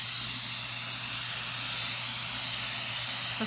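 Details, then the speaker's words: Four-year-old boy, pediatric dental SMART Hall crown procedure with NuSmile stainless steel crowns after SDF, rinsing away excess glass ionomer cement: loud steady hissing spray of a dental air-water syringe. "Now we're just gonna rinse and floss away the extra cement."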